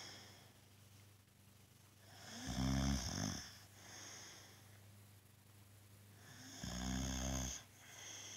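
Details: Sleeping boxer dog giving loud, deep, fluttering snores about every four seconds, roughly 15 breaths a minute; owner says he can be so loud the TV can't be heard; heavy snoring.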